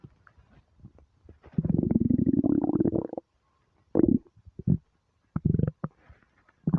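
Long gurgling growl followed by shorter bubbling rumbles and squeaks; stomach rumbling from hunger, a normal bowel sound.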